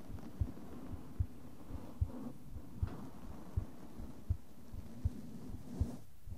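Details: ASMR heart sound recording: steady soft thumps at about 80 a minute over a low hiss, with brushing and tapping on the other ear; normal heartbeat.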